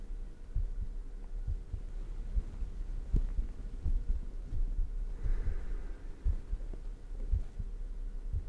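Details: Own heartbeat recorded close up for ASMR, with breathing: soft low thumps repeating fairly quickly beneath background hiss and faint breathing; a heartbeat.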